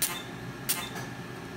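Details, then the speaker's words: V-Beam Perfecta pulsed dye laser treating small enlarged facial blood vessels in a live demonstration: two sharp hissing snaps, each laser shot paired with a burst of cold cooling spray, with quiet room hum between. "so the laser also puts out cold spray during the treatment so it keeps the skin cool and safe and it's comfortable for the patient"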